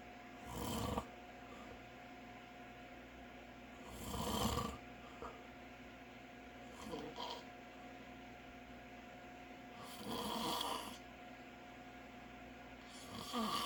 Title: More of my Dad snoring